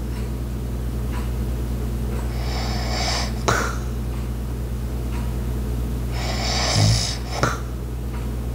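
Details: Light snoring: two soft, rough snores over a steady household hum and faint room noises, with ice maker, clock and walking sounds in the background.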